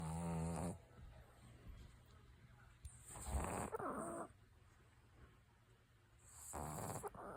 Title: My new dog snoring